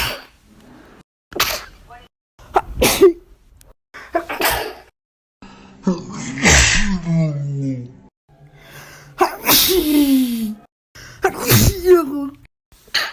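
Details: Several sharp, explosive sneezes in a row from one person, some with a voiced 'achoo' at the end; sneezing.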